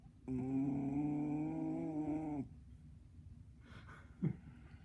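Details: A single long, steady, buzzing, pitched snore lasting about two seconds in a sleeping person, followed by quiet breathing in a small room; snoring.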